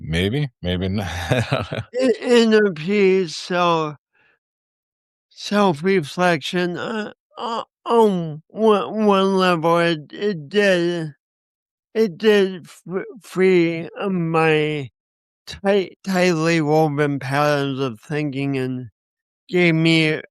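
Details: Speech impediment with disfluent speech in a man who also has coordination issues; he says he has not overcome it.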